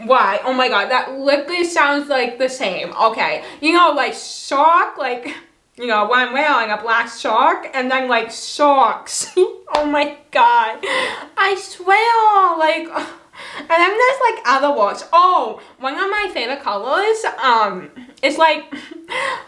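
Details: Adult woman with cerebral palsy and a lifelong speech impediment. Words are hard for her to pronounce, family and new people sometimes do not understand her, and she had many years of speech therapy growing up: dysarthria (cerebral palsy).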